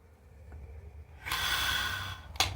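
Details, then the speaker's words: Incentive spirometer demonstration for deep-breathing exercise: a quiet lead-in, then a long, steady, hissing deep breath drawn in through the mouthpiece and tube, one of five to six advised inhalations. "Air को inhale करो। यानी कि जैसे लेते हो ना यहां पे दिखा रहा हूं।"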